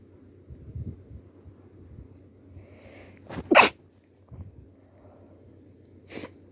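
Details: A female with a cold, feeling stuffy: a quiet room with soft breathing, then one loud explosive sneeze and a smaller one near the end.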